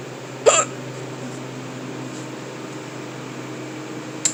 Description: Was stocking stuff in the cooler at work when I couldn't stop the hiccups